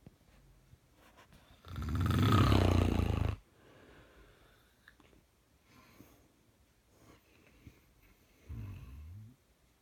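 One loud, harsh, rattling breath lasting nearly two seconds, then quieter breathing and a softer rumble: heavy snoring.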